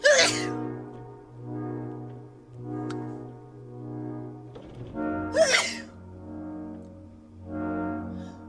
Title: Allergy sneeze fit (no antihistamines)